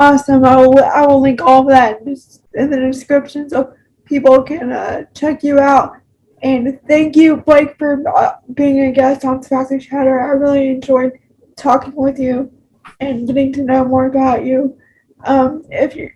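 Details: Adult with cerebral palsy; speech disfluency with word repetitions.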